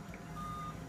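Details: Real patient, awake, during a lumbar facet joint nerve (medial branch) radiofrequency ablation, where the needle tip is heated: a steady, thin electronic tone over low room hum from the running generator; radiofrequency ablation generator tone.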